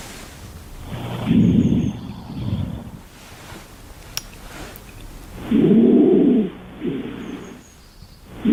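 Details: Expiratory wheeze: musical, whistling wheezes on the breaths out, heard through a stethoscope on the chest, in a pulmonology teaching demonstration.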